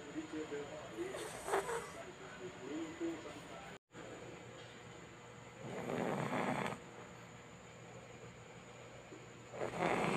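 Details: Luna, a fat pet pug that loves to sleep, snoring like a person: rasping snores about every four seconds over steady room noise; ordinary snoring.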